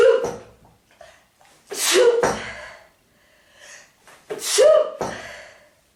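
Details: Woman during a 46-sneeze fit: several sharp sneezes in quick succession, each preceded by a short inward breath, a repeated sneezing fit.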